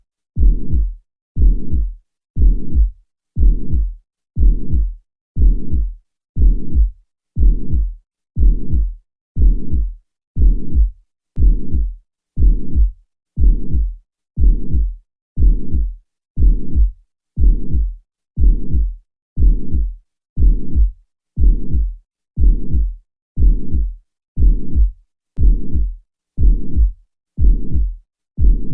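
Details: Mitral regurgitation murmur: regular heartbeat near 60 a minute, each beat carrying a long, low blowing murmur.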